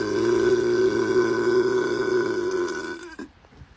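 One long, loud, drawn-out voiced belch lasting about three seconds, then fading out. A burp.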